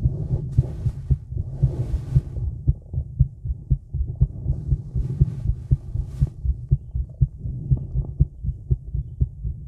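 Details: Female heartbeat recorded outdoors in the woods while smoking: regular muffled beats, fairly fast at about 120 a minute, with rumbling and faint rustling, some stomach noises; normal heartbeat.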